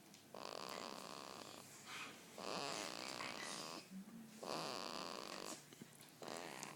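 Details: Snoring: loud, raspy snores in slow cycles, about four in seven seconds, with a snorting edge.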